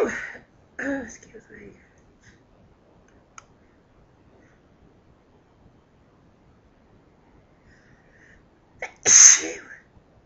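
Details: Adult sneezing from house dust: two loud, sharp sneezes with a quick breath in before each, separated by a quiet pause.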